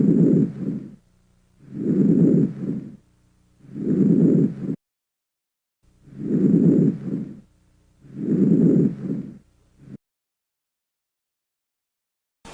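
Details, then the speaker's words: Normal vesicular breath sounds heard at the peripheral lung base: soft, low-intensity, low-pitched rustling murmur, about 30 breaths a minute. "murmullo vesicular sonido de baja intensidad tono grave como un murmullo se localiza en el pulmón periférico en su base"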